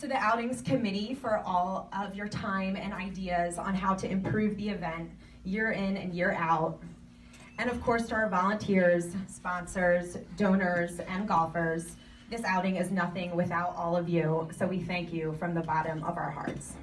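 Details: Adult woman; typical speech.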